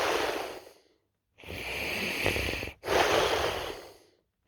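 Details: Person recording their own snoring: loud, harsh, noisy breaths close to the microphone, three cycles with pauses between.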